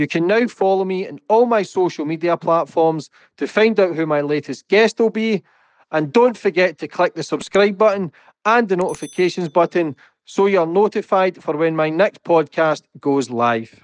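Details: Adult male speaker; normal speech.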